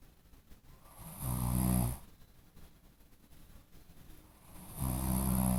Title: Snoring while sleep - wakes up